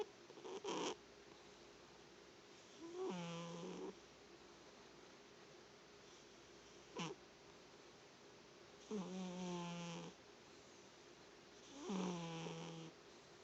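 Quiet, regular snores from a cat, each about a second long and roughly every three seconds, with short snorts on breathing out.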